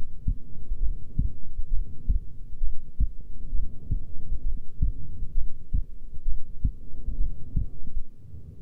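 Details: Female heartbeat at rest: steady, low thumps at about 66 beats per minute in a regular rhythm. Normal resting heartbeat.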